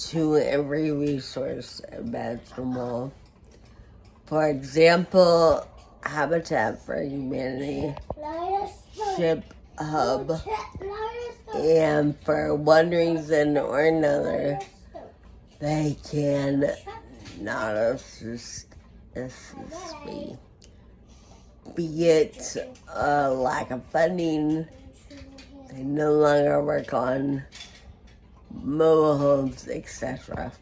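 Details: Adult woman with Friedreich ataxia who uses a wheelchair; her speech may need captions to follow; ataxic dysarthria.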